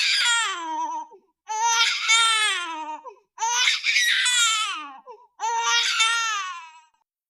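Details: Infant crying in four long, high-pitched wails, each with a falling pitch and a brief pause between.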